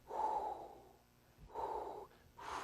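Breathy voiced imitation of a diastolic murmur, each sound starting loud and fading away.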